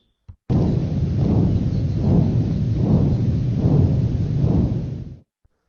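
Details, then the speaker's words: Bruit of a normal haemodialysis vascular access: a continuous low whooshing rumble that swells with each pulse and runs through both systole and diastole. "the brewery of a normal vascular axis sounds like"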